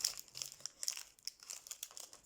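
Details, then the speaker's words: Syringe package being peeled open, with soft crinkling and tearing of plastic and paper in a quiet room, at the start of preparing a drug from an ampoule or vial, after hand hygiene and expiry-date checks. "Öncelikle aynı sektörümüzü açıyoruz enjektörü açarken açma kısmı var olur bu şekilde açıyoruz"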